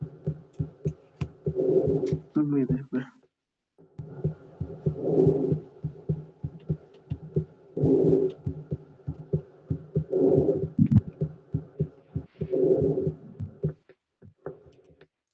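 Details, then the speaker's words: Lung recording played as a listening exercise: soft, steady breaths swelling and fading about 20 times a minute over faint clicking and a low hum, constant breathing: normal vesicular breath sounds. "Eso, murmullo vesicular. Es murmullo vesicular porque es una respiración constante."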